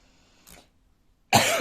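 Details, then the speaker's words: Adult with asthma who says they cough a lot: faint throat sound, then one loud, harsh cough burst. "je tousse beaucoup mais je fais de l'ASME voilà j'espère que cette info vous sera utile"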